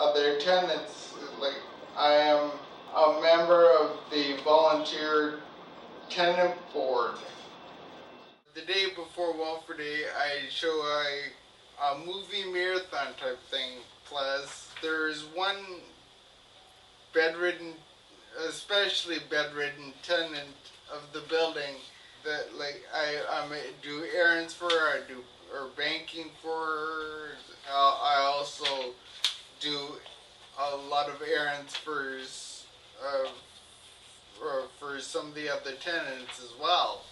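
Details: Ataxic dysarthria in an adult man with an undiagnosed, progressive ataxia that began in 1986; his speech slowly became more slurred and listeners often ask 'What?'.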